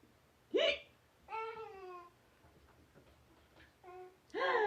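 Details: Mother hiccuping while a small child giggles: abrupt, brief voiced hiccups in a quiet room.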